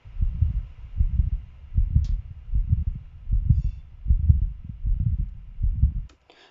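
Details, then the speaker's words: Continuous rumbling machinery murmur running through both systole and diastole with regular beats; patent ductus arteriosus murmur. "entonces esa sangre que se devuelve también vuelve a pasar por el ductus arterioso persistente y también sopla se describe como un soplo en maquinaria y aquí lo pueden encontrar"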